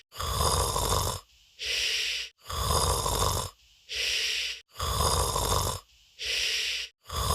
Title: Disguised Minion Will Snore